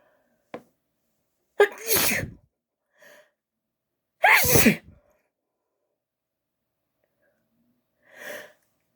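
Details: Two forceful sneezes, each preceded by a sharp in-breath, with small sniffs between, from a female with acting-up allergies; sneezing induced deliberately.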